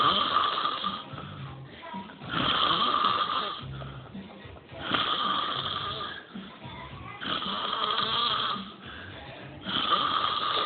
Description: My friend snoring so hard that he is sucking everything in.